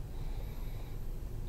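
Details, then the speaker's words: Adult paramedic intern (healthy volunteer patient) in a respiratory exam: soft, low rushing breath noise through a stethoscope over the mid-axillary chest during deep breaths in and out, normal vesicular breath sounds. "Beginning at the apices, I'll listen for normal vesicular sounds. Please take a deep breath in and out."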